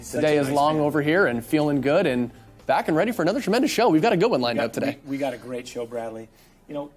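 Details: Adult male speaker; normal speech.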